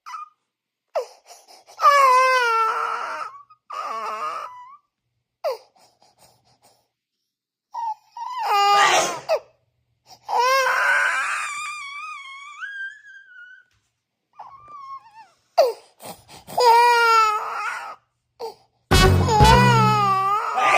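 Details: Startled baby crying after an older brother's sneeze: repeated wailing cry bursts with gasping breaths between, ending in a louder outburst; a normal response.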